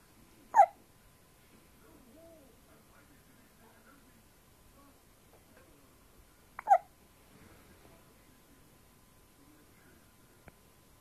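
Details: Baby hiccupping while asleep on a parent's lap: two brief, sharp hiccup clicks about six seconds apart, with soft breathing in a quiet room.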